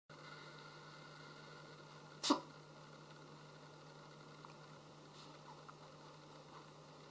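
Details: One brief, sharp sneeze from a little kitten against a quiet room background; sneeze.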